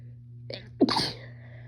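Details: Female sneeze: a brief indrawn breath, a sharp explosive burst of air and voice, then a short trailing exhale, over a low steady hum.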